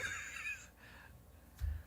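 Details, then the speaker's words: Reverse sneezing in a dog, recorded on a phone and played back through a speaker: a brief, harsh, snorting gasp that listeners first mistook for growling. "Listen to this dog. No, that's not growling. That's not growling. It's okay, Ram. Thank you, Rudy. What is that, Rudy? Reverse sneezing."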